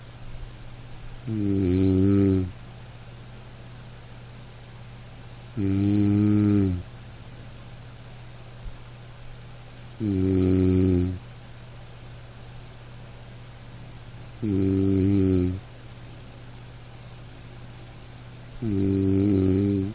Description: The soothing sound of someone continuously snoring can be a comfort and create the feeling of another presence.